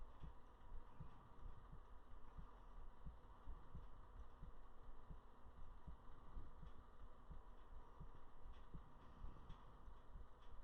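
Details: Soft, regular low thumps under a steady low hum, roughly 70 beats a minute; close-up heartbeat recorded for relaxation ASMR; normal heartbeat.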